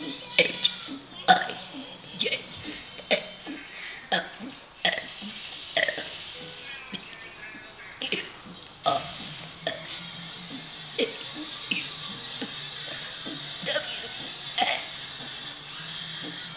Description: This video is about my little brother burping the alphabet!